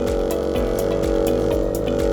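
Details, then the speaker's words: Respiratory therapist demonstrating a portable suction machine set up with tubing and a needle sucker, pressure reading 100: loud, steady motor drone with a regular pulsing throb as the machine runs. "you would then turn on the machine and they would increase the pressure you would go on the positive side and they would give you your reading here we're showing 100"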